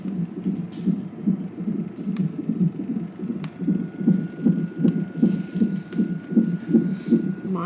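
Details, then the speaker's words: Fast, regular whooshing fetal heartbeat about 150 a minute on the labor monitor, with faint steady beep and room noise. First-time mother in labor induction, 3–4 cm dilated. Rate rising as the baby moves; normal fetal heartbeat. "The baby's moving right now, so the heart rate's going up. Can you hear it? It's really pumping now when it's moving around."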